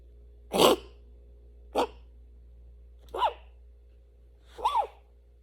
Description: 10 week old morkie with kennel cough 😷